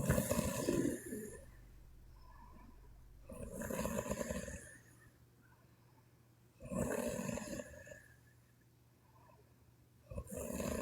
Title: Sleeping Chinese Women Snoring (CWN) Part 1